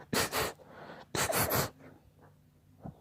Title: What sneezes should do next?